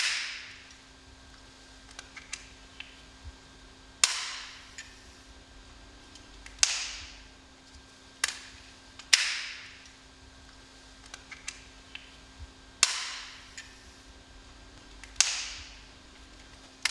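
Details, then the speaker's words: Sharp clicks and spray bursts as a Respimat soft mist inhaler is primed before first use in repeated turn-until-click, open-cap, press-button cycles, repeated three more times after a visible cloud appears. "refermer le capuchon répéter l'étape précédente jusqu'à ce que vous voyez un nuage afin d'être sûr que l'inhalateur soient prêtes à l'emploi répété tout le processus encore trois fois"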